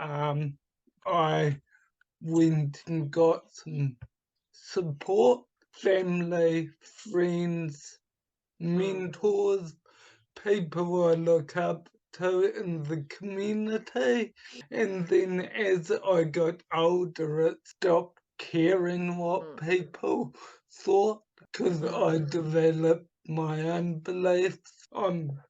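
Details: Adult man with cerebral palsy from oxygen starvation at birth, affecting his right hand and speech; speech has improved but is not back to normal; he also recovered from chronic fatigue syndrome and chronic pain; mild dysarthria (cerebral palsy).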